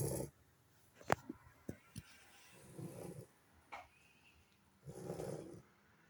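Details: Sleeping Lagotto puppy after extensive play with siblings: soft snuffling snores about every two seconds, with small nasal clicks between breaths; snoring.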